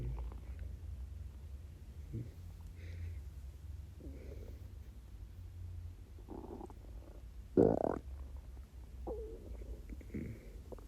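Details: Hunger borborygmi: low rumbling and gurgling with one louder growl from a totally empty stomach during a 24-hour fast; ordinary hunger stomach growling.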